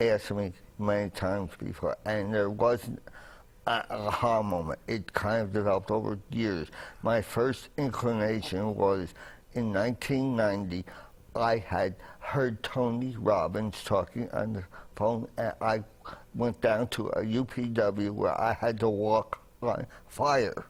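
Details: Adult man with dysphonia after a trach tube, inserted by a medic on the way to hospital after being trapped in a fire in 1981, damaged his voice box; also carbon monoxide poisoning, traumatic brain injury and coma, with speech relearned.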